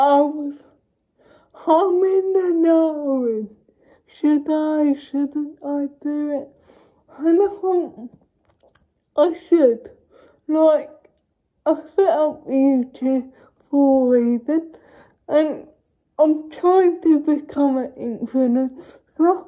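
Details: Adult woman with cerebral palsy speaking to camera; dysarthria (cerebral palsy).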